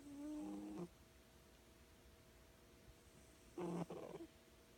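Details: Loud snoring in a sleeping cat, which wakes herself up: two loud, low, buzzing snores separated by a quiet pause, over faint room hum.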